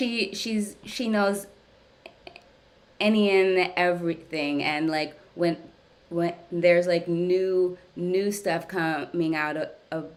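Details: Stuttering in an adult woman, speaking during a live stuttering therapy session; she reports that ongoing therapy has gradually helped her speech over time.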